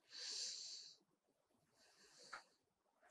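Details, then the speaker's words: Bronchial breath sound heard with the stethoscope over the trachea of a healthy person: loud, hollow, tubular and harsh, with inspiration and expiration of equal length and a clear gap between them. "just take your step and put it on the trachea of any of your friend whatever sound you can heard it's bronchial sound okay there is a gap and equal okay"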